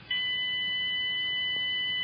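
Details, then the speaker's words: A steady high continuous electronic tone from a ZOLL PD 1200 defibrillator, sounding when charging is complete to signal it is ready to discharge and to warn staff to stand clear; charge-ready tone. "when charging is complete the charge indicator lamp will light and an audible tone will sound warn attending personnel to stand clear"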